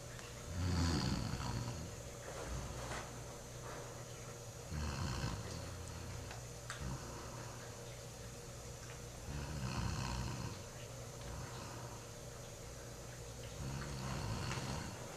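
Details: Loud, low rumbling snores from a sleeper on an October night in 2006, recurring every few seconds, about four over the span, with steady room noise between them; snoring.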